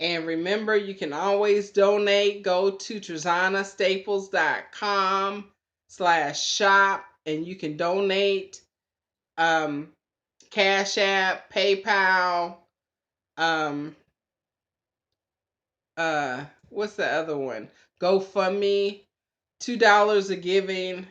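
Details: Anomic aphasia after a stroke in a woman about three years post-stroke; she reports being much improved but still having occasional glitches.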